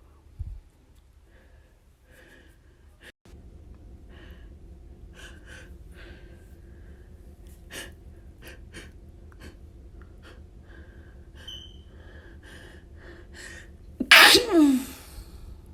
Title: IM BACK! with stifles & some wet sneezes